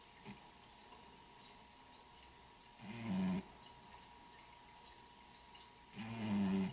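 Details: A cat snoring loudly while dreaming.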